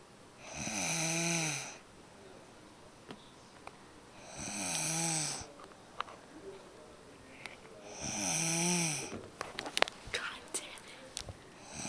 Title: Snores. Lmao!